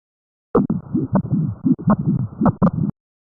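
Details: 30-year-old man with mitral stenosis, exertional breathlessness, palpitations, orthopnea and heavy cough: sharp snapping heart sounds with a low diastolic rumble between beats.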